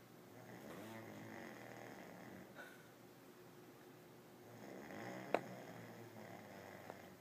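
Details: Person snoring after daytime drinking; low, fluttering snores on two breaths in a quiet room, with a brief snort-like click; snoring.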